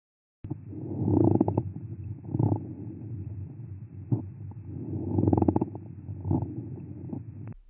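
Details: Real-life deep pleural friction rub from inflamed pleura: coarse, low creaking, grating sounds with each breath, likened to walking on wooden boards.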